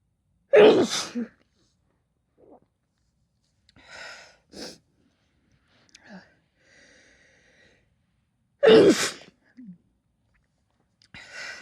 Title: chhinkni intense fit of sneezes